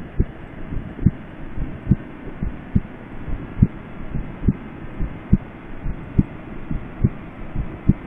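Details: Simulated examination of a patient with chest pain: regular low heart sounds at about 70 a minute, with a soft extra thud just before the first sound, a fourth heart sound (S4).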